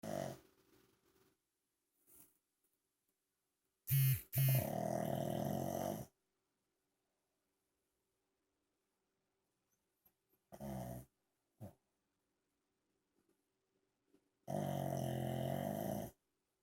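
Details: Pug dog snoring heavily until he is asked if he wants to go out: loud, low, rattling snorts and grunting breaths separated by silent pauses; snoring in a flat-faced dog.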